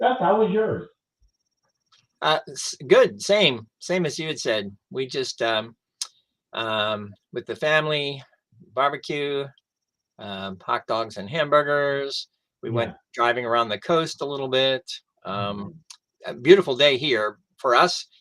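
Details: Adult male stroke survivor who lost his language after the stroke; now mostly expressive (Broca's) aphasia with some receptive difficulty. Expressive aphasia.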